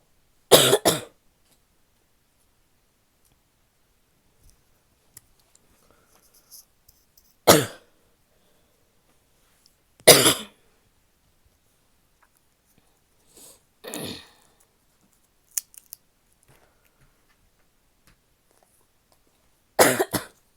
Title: barky wet coughing (f)